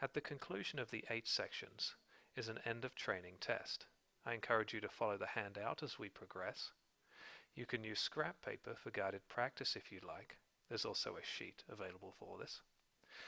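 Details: Adult male narrator; Normal adult speech.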